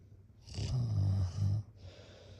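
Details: A single low, fluttering snore on an in-breath, ending with a soft exhaled rush, amid repeated snorts and sighs; snoring in sleep.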